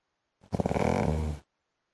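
A single loud, rough, fluttering snore lasting about a second, with a rattling engine-like quality; heavy snoring.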